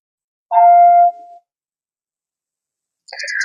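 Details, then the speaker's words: A single clear electronic chime as a Nihon Kohden SVM-7601 vital signs monitor is switched on and self-checks, then a brief higher tone: the startup sound in a device demonstration. "เรากดปุ่มเปิดเครื่องตรงนี้นะคะเรารอเครื่องรชคตัวเองสักครู่นะคะแล้วเครื่องก็จะโชว์หน้าหน้าตาของพราฟค่ะ"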